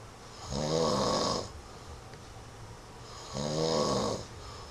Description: Was trying out my webcam on my laptop and caught my husband napping after work. He says he doesn't snore...............yeah, right!